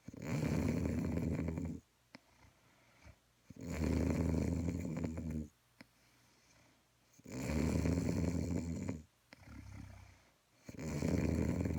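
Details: Dog snoring: long, loud rumbling snores alternating with quieter breaths, about three snore cycles in twelve seconds; ordinary snoring.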